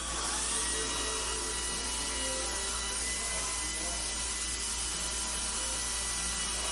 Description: And behind the treatment-room doors, the quiet hum of dental equipment fills the air.